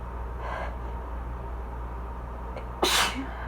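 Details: Person reading aloud during an allergy fit: a soft sniff, then one sharp, explosive sneeze over steady room hum; allergic sneezing.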